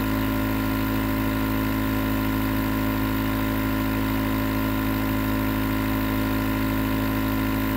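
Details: Nebulizer compressor running continuously as sleep white noise: steady low motor hum with buzzing vibration.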